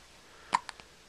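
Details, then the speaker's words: A single sharp infant hiccup, a brief voiced catch followed by two faint clicks, in a quiet room; the baby has the hiccups. "Poor little guy, he's got the hiccups."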